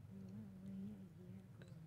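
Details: Mild dysphonia from vocal fold paralysis in an English-speaking woman reading 'We were away a year ago', with a CSID of 28 against a cutoff of 20 and a CPP that is not very high.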